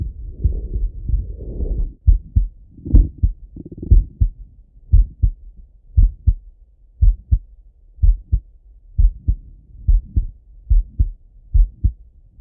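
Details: Male heart auscultated with a stethoscope, recorded partly sitting at a desk and partly lying in bed: brief rubbing noise, then steady lub-dub at about 60 beats a minute with two clear sounds per beat; normal heart sounds.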